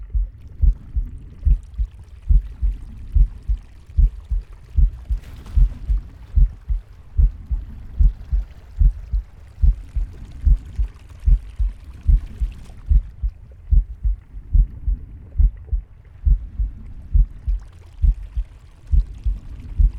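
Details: Captain Pig's heartbeat of regular, low thuds at about 72 beats per minute, with soft breathing and stomach growling behind.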